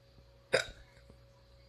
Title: to get Hiccups